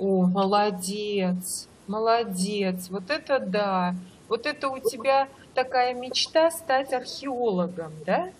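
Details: Adult female speaker; no speech disorder.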